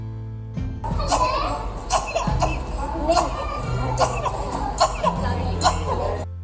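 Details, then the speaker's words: Staccato cough: short, separate cough bursts with a quick breath drawn between each, over background music; described as starting suddenly, often lasting long, usually caused by Chlamydia pneumoniae infection. "Batuknya pendek-pendek dan diselingi tarikan napas di setiap kali batuk. Terjadinya bisa tiba-tiba dan sering berlangsung cukup lama."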